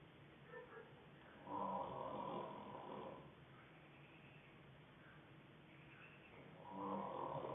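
Two soft, rough breathing noises several seconds apart in a quiet room: light snoring.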